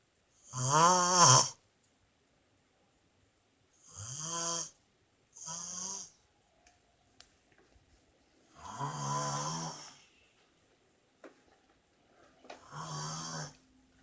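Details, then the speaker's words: Adult woman (wife) asleep: five loud, rough, buzzing snores on the in-breath, a few seconds apart, with quiet pauses between them; ordinary snoring during sleep. "Part two. She's snoring again. Let's see."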